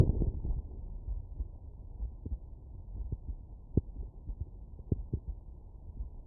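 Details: Child at rest, stethoscope membrane at the mitral area in left lateral decubitus position: soft, muffled low thumps, normal heart sounds.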